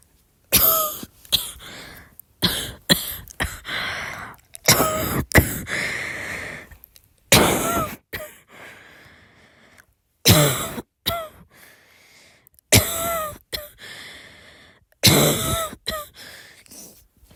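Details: Girl with a dry cough: repeated short, harsh, dry coughs in bouts of two or three, with no wet rattle.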